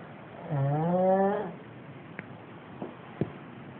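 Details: A man snoring: one long, tonal, buzzing snore on an in-breath, followed by faint clicks and quiet breathing. Snoring.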